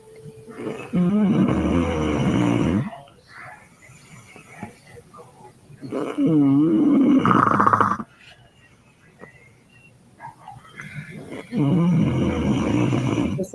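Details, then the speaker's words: Three loud, harsh, vibrating snores with quieter gaps from a sleeping woman; snoring. "a lot of women snore however I guess guess I I guess I am pretty unique but these women right here have me they fit into the same uh weight class so they give me a run for my money let's listen to her"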